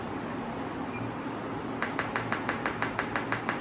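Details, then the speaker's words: Pulsed electromagnetic therapy device with single loop applicator on the shoulder joint, intensity raised from 2 to 3 to 5: steady room hum, then sharp regular clicking pulses about two per second, louder as intensity increases. "So this is three. Now I'm send to five. So you can see the difference in the intensity sound."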